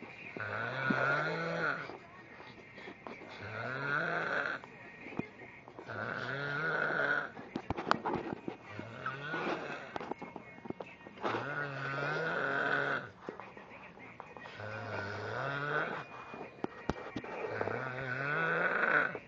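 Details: Loud, unusual snoring: repeated groaning, bleat-like snores with rising pitch at each breath, about every two and a half seconds.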